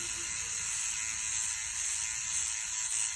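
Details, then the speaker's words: A microneedling pen with 12 needles running on the skin of a woman in her 40s at her first session: a steady high-pitched whir with a faint ratcheting texture, like an electric toothbrush. "it sounds like my toothbrush it does doesn't it it does"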